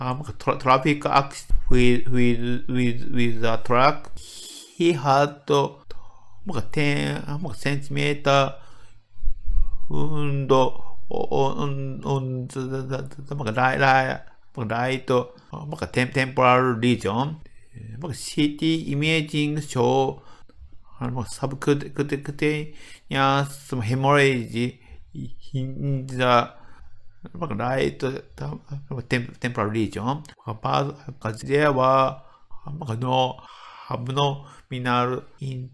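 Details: Medical doctor in Japan with developmental (childhood-onset) stuttering, giving a conference talk; word repetitions audible in the greeting; stuttering.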